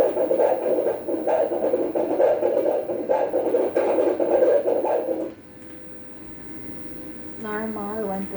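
Rhythmic whooshing pulses, about 129 a minute, then a short tone: a normal fetal heart rate on prenatal ultrasound.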